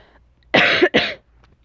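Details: Two quick, harsh cough bursts close together from a person who is sick, voice also hoarse from yelling at a rave the night before.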